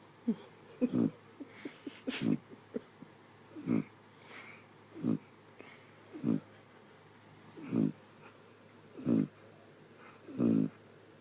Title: Brutus Snores